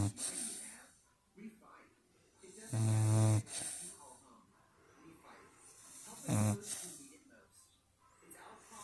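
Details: Snoring during her morning nap, room at 65°F: two loud, rough, low snores on the in-breath, separated by quieter breathing, with faint room noise.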